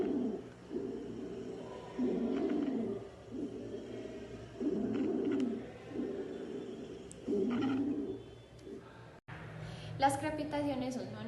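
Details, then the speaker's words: Stridor: repeated harsh, high-pitched, crowing breath sounds in a steady rhythm, produced by upper airway obstruction such as inflammation of the larynx or trachea. "el esdor es un sonido agudo y ruidoso que se produce cuando hay obstrucción en las vías respiratorias superiores como en caso de inflamación de la laringe o tráquea a continuación escucharemos el sonido"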